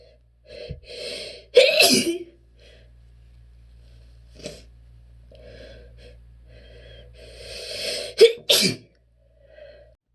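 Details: Sneezing bout from an adult with relentless allergies trying to hold sneezes back on request: two forceful sneezes, each preceded by gasping in-breaths, with softer breathy holdback attempts between.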